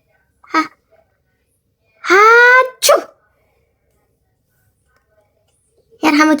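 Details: Simulated sneezes from a Toca Boca cartoon game roleplay: several short, sharp sneezes with a voiced cry-like burst between them, followed by repeated "yarhamuk Allah" blessings.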